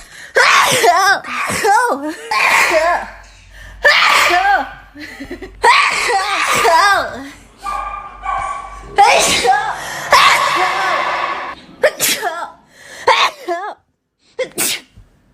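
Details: Young woman sneezing repeatedly, with voiced breath catches between the bursts.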